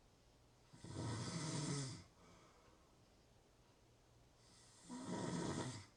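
Two long, rasping snores on breaths in, separated by quiet breathing; snoring during sleep.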